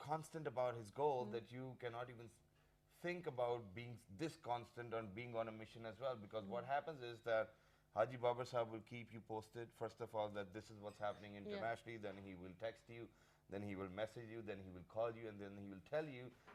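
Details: Adult man speaking; ordinary speech.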